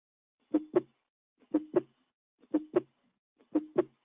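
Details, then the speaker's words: Simulated heart sounds from a Shadow Health teaching demo, at about 60 beats a minute, with a faint extra sound just before each first heart sound: an atrial gallop (S4). "can you hear that extra beat again again okay good so the HDL gallop"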